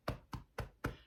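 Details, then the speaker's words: Rapid hollow claps, about four per second, from cupped-hand chest percussion across the back to loosen sputum. "so that's the percussion that's going right through the lungs and loosening up the sputum"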